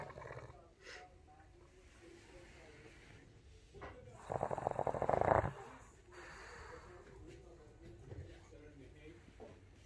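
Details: Dog snoring: one loud, rattling snore lasting about a second against quiet breathing and faint room noise.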